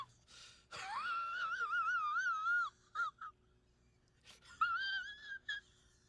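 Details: Acted wheeze performed by a man: a loud, wavering, high whistling breath, exaggerated rather than a real airway sound.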